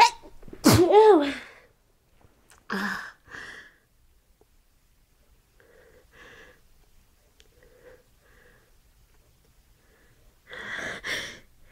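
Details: Morning sneezing fit on waking: a loud explosive sneeze with a voiced cry, then softer sneezes and breaths; the sneezer says they can't stop.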